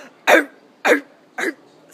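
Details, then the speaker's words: Adult imitating a child's croup cough: three short, harsh, seal-like barking coughs in quick succession. "if your kid is barking they probably have croo and you probably are going to be adding to the emergency room for that"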